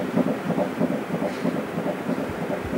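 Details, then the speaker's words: Normal fetal heartbeat on ultrasound at a 12-week scan of a 42-year-old mother in her 14th pregnancy: rapid, regular whooshing pulses about twice the adult rate; the baby appears anatomically normal. "Tracy I hear the baby's heart beating there it's about twice the rate that ours normally beat out"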